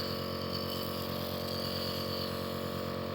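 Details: Nebulizer inhalation therapy with Ventolin for a child with cold and cough: steady mechanical hum with rapid rhythmic buzz of the compressor running, to relieve breathlessness and loosen mucus.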